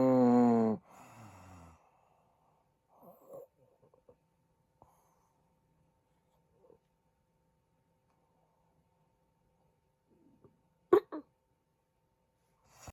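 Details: Adult man recorded asleep, suspected sleep apnea: a loud snore fades into several seconds of near silence, then an abrupt snorting gasp restarts breathing; snoring with breathing pauses.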